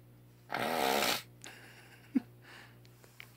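A single loud, rattling snore on the in-breath, then quiet breathing with small clicks over a low room hum. Snoring.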